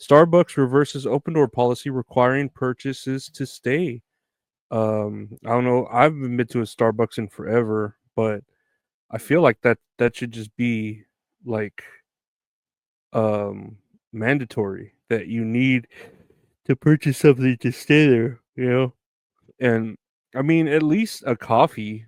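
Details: Adult male speaker; normal speech.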